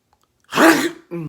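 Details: Acted sneeze in a comedy sketch about repeated sneezing: a single sharp, explosive burst after a brief quiet, followed by a short voiced sound.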